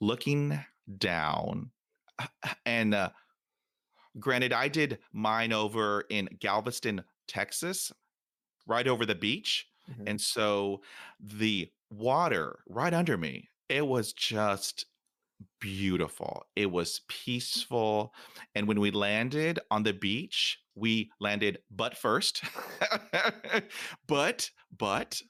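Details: Adult male who stutters, speaking in real conversation; stuttering.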